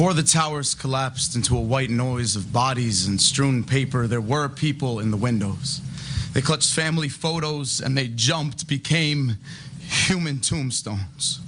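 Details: Adult male poet reciting; typical speech.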